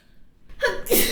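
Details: Adult woman sneezing while reading aloud in a quiet room: a short voiced intake rises into a single sharp, hissing, explosive sneeze.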